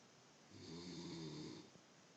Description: The snore...can you beat this?